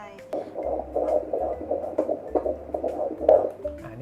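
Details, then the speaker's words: Doppler at 17 weeks 5 days of pregnancy, female fetus: fast, regular whooshing pulses of the fetal heartbeat, 161 beats per minute, stated to be a good, normal, regular rate. "เสียงหัวใจนะครับอัตราการเต้นของหัวใจก็ดูตรงนี้นะ16161ครั้งต่อนาทีนะครับก็เป็นอัตราการเต้นปกติที่ดีเลยทีเดียวแล้วก็สม่ำเสมอ"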